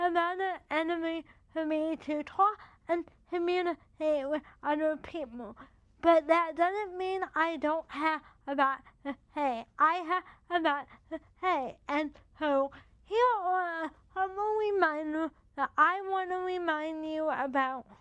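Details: Dysarthria in a woman with cerebral palsy affecting the muscles of her mouth, making talking effortful.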